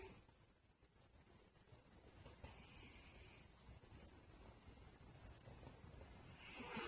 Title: Artex The Cat Snoring...